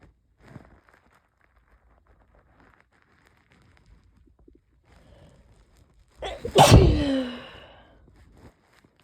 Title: yep, definitely a cold. increasingly desperate sneezes from incoming cold